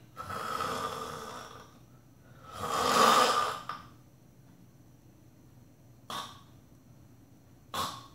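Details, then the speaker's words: Imitated snoring broken by silent pauses, then a sudden louder snore and brief snorts; a silence followed by a sudden loud snore suggests breathing stops, fitting obstructive sleep apnea. "但是如果是有一段时间没有声音以后，突然再很大声的话，那可能就有这个呼吸停止了。"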